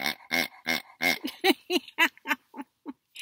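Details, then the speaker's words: Dog with collapsing trachea, which worsens when warm or excited, gives a rapid run of harsh, goose-like honking coughs while out trotting; a typical tracheal collapse honking cough. "that's Mr max out there he's got that okay I guess he call it collapsing trachea and when it gets too warm for one he starts with that if he getss excited he starts with that"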